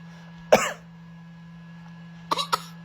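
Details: A baby girl makes one short, deliberate fake cough and a brief throat clearing, imitating her parents, not from illness, with steady room hum behind.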